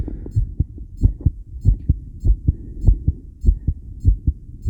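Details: Own heartbeat recorded with a self-made electric stethoscope during regulated breathing while on a 10-lead ECG: strong, fast beats around 100 a minute, slightly uneven; tachycardia with extrasystoles and breathing-related rhythm changes.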